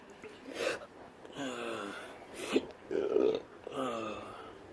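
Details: Intractable hiccups since surgery in 2015, with burps every 1–3 seconds, during a rooftop physical therapy session: repeated voiced belch-like bursts about one per second, each with a short throaty gulp.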